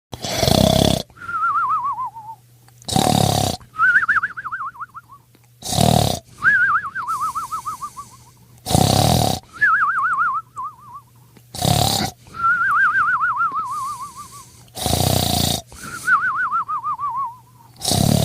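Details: A sleeping dog snores loudly, each rough snort followed by a wavering whistle, at about 23 breaths a minute. Snoring.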